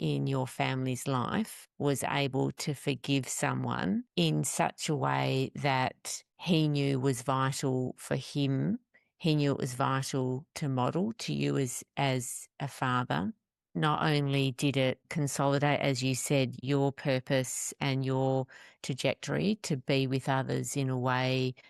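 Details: Adult male speaker; Typical adult speech.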